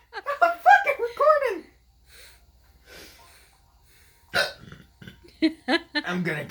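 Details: Son with a sudden bad bout of hiccups while playing a video game: sharp, sudden catching sounds mixed with laughter and breathy gasps, some talk in the room; he complains he can't breathe.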